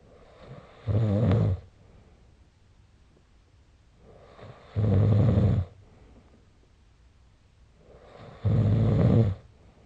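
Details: Three loud, rough, low snores on inhaling, about 16 a minute, with quiet breaths between during sleep: ordinary snoring.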